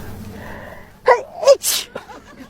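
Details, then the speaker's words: Bride at her wedding ceremony, after repeated stuck sneeze attempts: a quick in-breath, then a single sharp, loud sneeze and a soft trailing breath; sneeze. "Oh, I think I'm going to sneeze. >> Here it comes. Mhm. Nope, it's stuck."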